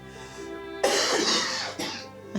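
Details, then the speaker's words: Adult patient at a GP consultation with a productive chesty cough that keeps them from sleeping and phlegm stuck across the back they can't bring up: two loose, rough coughs over background music. "it's annoying because it won't let me sleep i feel like i've got phlegm stuck across the back chesty cough productive"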